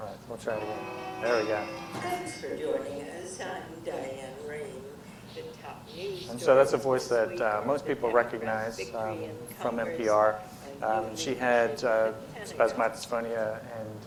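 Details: Adult male speaker, preceded by a brief played voice excerpt; normal speech.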